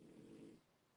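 A single low, rumbling snore from a sleeping dog, lasting about half a second before fading into quiet room noise; ordinary snoring.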